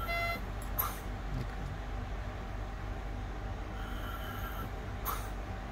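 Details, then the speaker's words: Oxymag ventilator in volume-controlled ventilation: 500 ml tidal volume, rate 14, I:E 1:2, FiO2 100%, oxygen consumption 7–8 L/min, minute volume 7 L/min; steady hum with soft hissing gas bursts about four seconds apart. "this is the oxygen cylinder we have connected so it is maintaining around between seven to eight liters per minute to deliver 500 ml tidal volume these are the expired parameters minute volume is 7 liters per minute"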